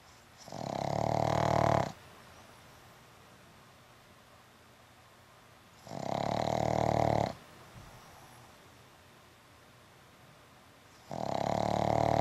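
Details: Butter, a pug, sleeping after an afternoon at the dog park: loud, rattling snores about 1.5 seconds each, roughly every five seconds, sounding like a Harley Davidson; heavy snoring.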